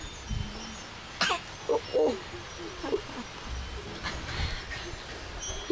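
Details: Young child giving a few brief, light pretend coughs, acting as if sick, amid quiet room noise.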